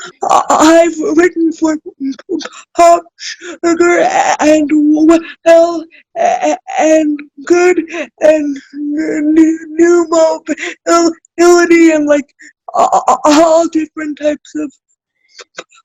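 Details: Adult woman with cerebral palsy, self-described as spastic, in real conversation; dysarthria (cerebral palsy).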